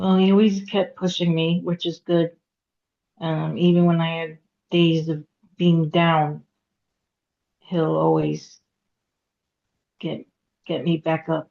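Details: Aphasia in a woman after a hemorrhagic stroke at age 36 (September 2018), with difficulty getting her point across, reading and writing; she could not talk for 2 years and had 2 years of speech therapy.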